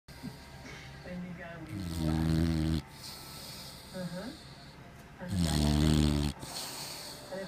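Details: Loud, rumbling snores with softer snorting breaths between, about every three to four seconds, from a sleeping male white Boxer dog snoring heavily.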